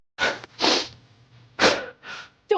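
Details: Animated character trying to hold back a sneeze: a few quick breathy bursts with sharp sniffing intakes, then sneezing.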